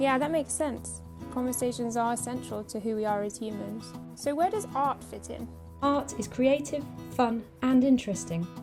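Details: Adult female narrator; Normal speech.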